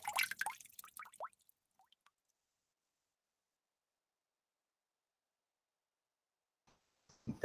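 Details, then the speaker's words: Hearing-loss simulation, normal-hearing version: crisp dripping and splashing water sounds heard in full clarity. "essa foi a a opção normal"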